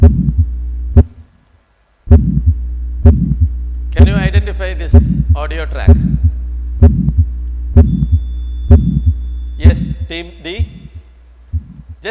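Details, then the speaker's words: Cardiac ejection systolic murmur played as a quiz sound at a medical conference. "What is this noise all about? Ejection systolic murmur. This is a cardiac murmur."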